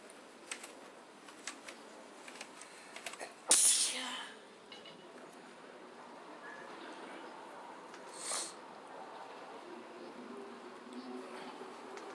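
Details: Sneezing bout, first in a long time: one strong sneeze and a softer second one over steady room noise.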